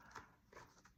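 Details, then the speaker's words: Three quick, sharp voiced yelps, almost animal-like, a man with Tourette syndrome imitating another person's vocal tic. "I remember I was doing this in Japan and I and a guy asked me why I did it and he actually had Tourette's syndrome as well, but his Tourette's made him go."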